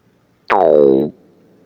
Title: Stomach Growling at Work